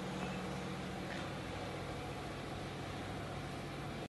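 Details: Leo dental chair in motion: steady motor hum with a low drone, ordinary mechanical operating noise.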